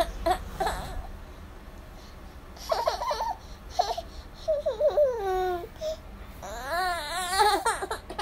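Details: Short fussy cries and whimpers from a baby, with quieter pauses between; an ordinary infant cry in a small room.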